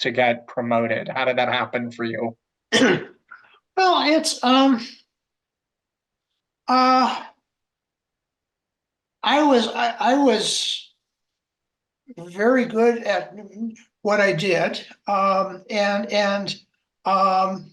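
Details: Adult man who identifies as a person who stutters; stuttering.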